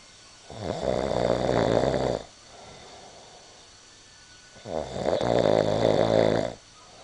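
Two loud, rattling snores, each about 1.5 to 2 seconds, separated by a quieter out-breath. Snoring at about 8 breaths a minute.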